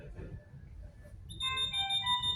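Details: Draeger Savina Select ventilator during pre-use self-test alarm check: quiet room noise, then a soft chiming alarm tone starts.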